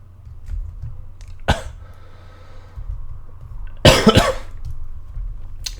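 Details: A single cough, then a short double cough against quiet room noise, from a live-streamer who says he is a little ill and apologizes for his voice; cough.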